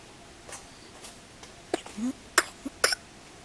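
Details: Cough in a pigtail monkey whose cause is unknown: several short, sharp, hoarse coughs with soft grunting between them, over quiet room noise.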